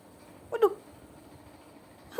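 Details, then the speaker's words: Cat with hiccups: a single brief, squeaky hiccup with another just starting at the end, in an otherwise quiet room; feline hiccups. "cegukan. Abang cegukan abang."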